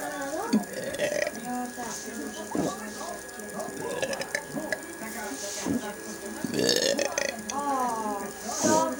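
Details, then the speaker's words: Person burping without soda or Coca-Cola: a run of about nine loud, voiced belches, roughly one a second, in a small room; repeated burping. "Burping. Without soda and Coca-Cola."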